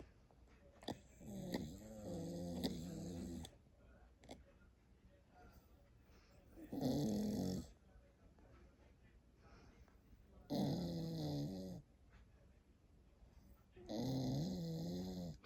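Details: Sleeping dog with eyes open: rough, buzzing snores on the in-breath, about 16 a minute, with quiet pauses between; loud snoring.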